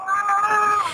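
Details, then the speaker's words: Baby in a car crying during a neighbor's 911 call to dispatch: a brief, high, sustained wail, thin and muffled as if heard over the telephone. "hear the baby crying while the caller is on the phone with dispatch"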